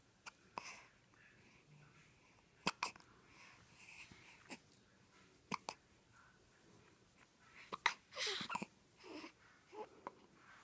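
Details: One-week-old, wide awake and alert, with hiccups: repeated abrupt clicking catches every second or two, soft fussing between them.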